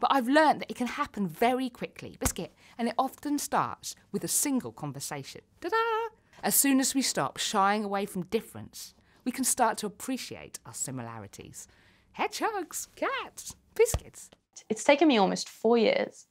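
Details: Vocal tics in a woman with Tourette syndrome; repeated single-word tics interrupt her speech.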